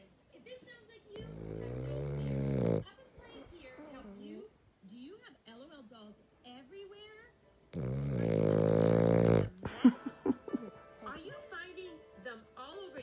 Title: Frenchie snoring